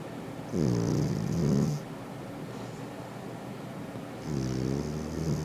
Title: Friendly Cat Snoring